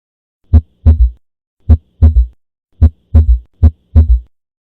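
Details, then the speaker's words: Third heart sound (S3 gallop), low-pitched, best heard at the apex: sharp S1, then S2 closely followed by a soft early-diastolic thud from rapid ventricular filling. "เสียงที่3ของหัวใจนั้นเกิดขึ้นหลังจากเสียงที่2บ่ดนซึ่งตรงกับระยะต้นของช่วงdiastole"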